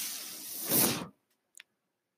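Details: Mechanical ventilator breath sound from the speaker's own ventilator, heard during speech.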